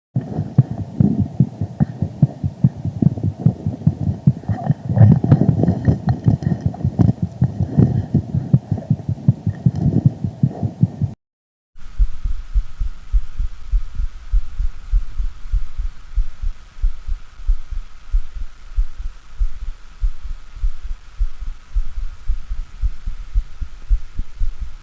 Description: Mitral stenosis, diastolic murmurs, the low pitched rumbling murmurs starts after the opening snap and lasts until mid diastole.